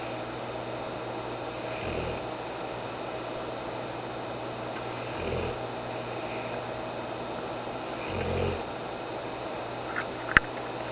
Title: Huck Snoring